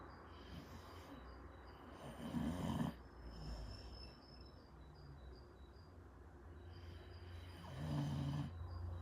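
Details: Sleeping pit bull giving two low, rumbling snores about six seconds apart over a steady background hum.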